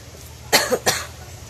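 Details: Adult Filipina woman sick for a week with fever, cough and cold after getting wet in rain: two quick, harsh cough bursts in close succession.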